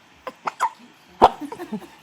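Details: Run of short, sharp, repeated hiccups with a brief voiced edge, described as persistent and aggravating; hiccups.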